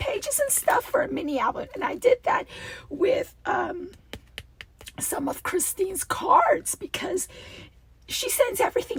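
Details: Adult woman with a recurring double-voice episode that she says requires a return to voice therapy when it happens, with a rasp she feels vibrating below her vocal cords; diplophonia (double voice).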